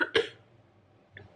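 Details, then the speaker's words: Two brief, sharp coughs in a quiet room from an adult woman podcaster still getting over an illness, coughing mid-speech; lingering post-viral cough. "sorry. I will try and edit out the coughing where I can, but sometimes the coughs come like mid-sentence and I don't remember to re-say the sentence, so I can't cut it out because then it wouldn't make sense."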